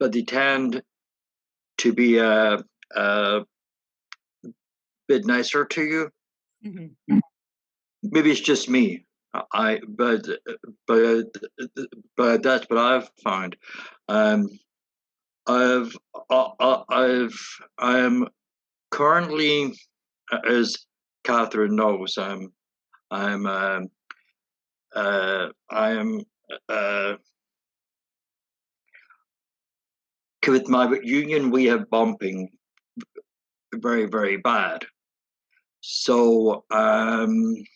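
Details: Real stuttering in a man who stutters, speaking with word and part-word repetitions; finding: stuttering.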